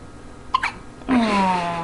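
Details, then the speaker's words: Hiccup in a young girl, reportedly from eating too fast: a brief abrupt catching sound, then a sliding voiced sound over faint room noise; a single hiccup while she talks with her father. "somebody's got the hiccups we have them why are you oh there we go it's not fun you ate too fast you ain't too quick it's what happened"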